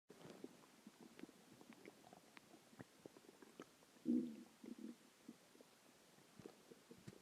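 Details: Soft gurgles and clicks with one louder low growl midway, recorded a few hours after a huge meal (cheeseburger, fries, three eggs, onion rings, cheese stick, chicken tenders); borborygmi, normal stomach growling.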